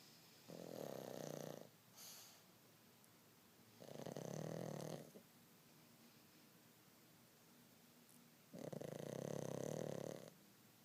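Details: Snoring while asleep on a rainy day: three rough, buzzing snores on inhalation with quiet gaps between, about 15 breaths a minute; ordinary snoring.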